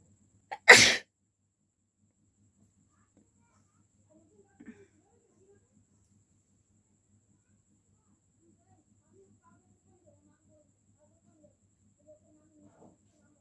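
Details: A single sharp, loud, deliberately provoked sneeze in a sneezing challenge done without a handkerchief (paper used), followed by near silence with faint movement.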